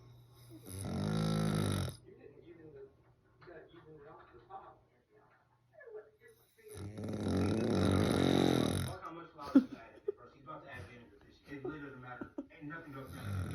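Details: Sleeping man: two long, loud, rattling inspiratory snores separated by quieter breaths and some background sounds; snoring.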